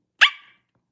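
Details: A single sudden, loud, sharp bark-like vocal burst lasting a fraction of a second: a vocal tic in a girl with Tourette syndrome, recorded while she reads and answers livestream chat.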